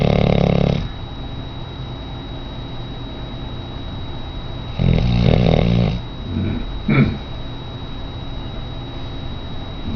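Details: Very large female auburn Labrador retriever in rescue, sleeping: loud, low, rattling snores in separate bursts with a short snort between, over steady room hum; snoring.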